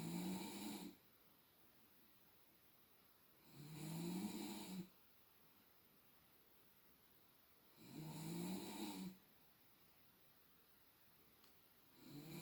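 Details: Woman (girlfriend) snoring, measured with a sound level meter: loud, rough snores on each in-breath, about 15 a minute, separated by quiet pauses with faint room hiss; snoring.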